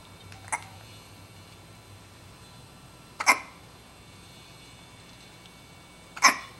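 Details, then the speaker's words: Three brief, sharp hiccups about three seconds apart in a quiet room from an infant girl; ordinary infant hiccups. "Ed has the hiccups is't she cute"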